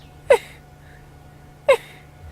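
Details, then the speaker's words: Vulture, said to have pneumonia, with a full crop: two brief, sharp sneezes about 1.4 seconds apart over faint outdoor hum. "the vulture has got pneumonia and is sneezing and their lovely shot yeah its sneezing"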